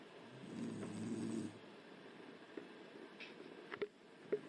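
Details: Snoring from a sleeping woman, recorded with the lights on: one low, rough snore of about a second, then quieter breathing with a few faint clicks in a small room.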